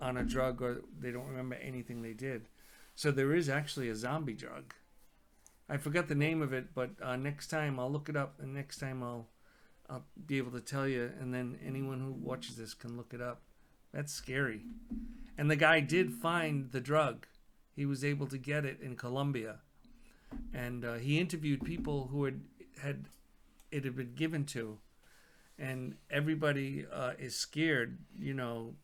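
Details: Adult man speaking; ordinary speech.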